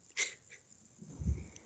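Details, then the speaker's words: A dog snoring nearby, audible in the background during an online chemistry lecture. "Vocês estão ouvindo o ronco do meu cachorro? Não. Isso aqui parece um zoológico. Tem. E o cachorro tá roncando aqui no meu"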